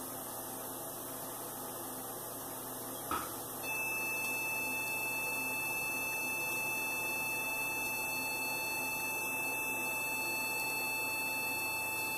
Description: Removal of a mucosal tumour from the lip of a dog using a Gbox 15AB veterinary surgical and therapy laser.